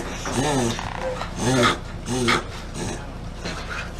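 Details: Dog making repeated loud, honking inward snorts in quick succession while its owner urges it on; reverse sneezing.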